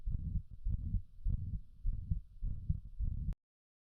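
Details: Heartbeat near 100 a minute, with a rough whooshing sound filling the space between beats; a heart murmur.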